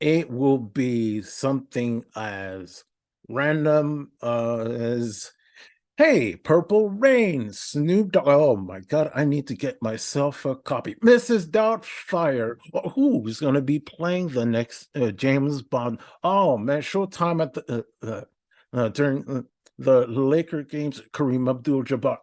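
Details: Adult man with a speech impediment for about a decade, which he partly attributes to non-linear, unfocused racing thoughts: disfluent speech (stuttering-type speech impediment).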